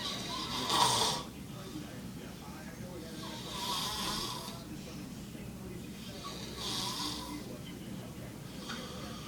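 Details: A man snoring loudly while asleep in a hospital waiting room: harsh, rattling snores about every three seconds, roughly 20 a minute, over steady room noise.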